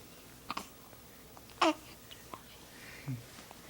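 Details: Infant hiccups: several brief, abrupt, voiced catches at irregular intervals in a quiet room, one louder than the rest.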